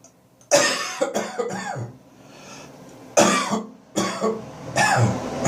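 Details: Post-bronchitis morning cough: four harsh, dry coughing bursts, some in quick runs of two or three, with strained gagging between; dry cough.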